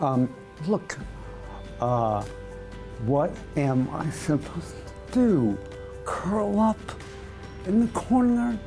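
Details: Man with voice dystonia for about two years; after a second round of tongue botulinum toxin injections, with results no better; speech in oromandibular/lingual dystonia.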